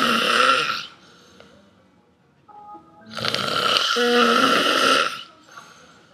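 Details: A father snoring while asleep: two long, loud, rasping snores with a quiet pause between them over faint background tones, described as sounding like a turtle; heavy snoring.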